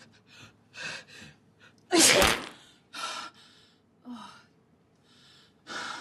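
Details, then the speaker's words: Acted film scene, not a real patient: several sharp gasping in-breaths build to one loud explosive sneeze, then quieter breaths, and the character says the sneeze helped. "Oh, wow. You know what? I think I feel a little better. That sneeze helped."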